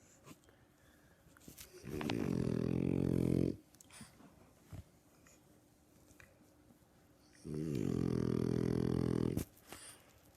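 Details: Two long, low, rattling snores about five seconds apart, with quiet breathing between them, during sleep: ordinary snoring.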